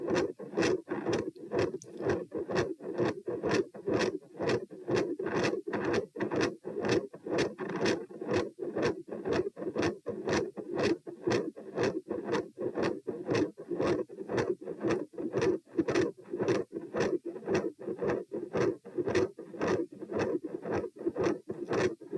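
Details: Heart auscultation stress test at position P, rates 90-102-132-78 bpm while lying, sitting, standing, then lying, in hot weather: fast regular beats near 118/min, scratchy mid-systolic murmur, very loud S2.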